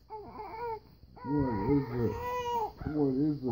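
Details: Infant nephew with hiccups crying, possibly after eating too fast: loud, drawn-out wailing cries with brief pauses, while a pet bird screams along.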